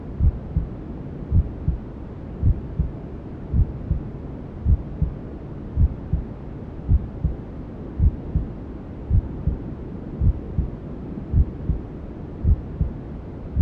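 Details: Maternal heartbeat sound with white noise and other womb sounds, for settling a newborn to sleep: steady low double thumps about 54 a minute under a constant rushing hiss.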